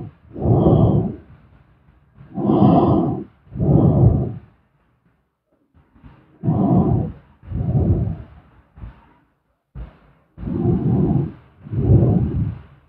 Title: SLEEP STREAM ASMR SLEEPING SOUND|Snoring